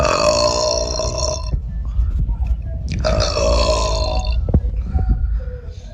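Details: Two long, loud, drawn-out belches over about six seconds, with stomachache: burping.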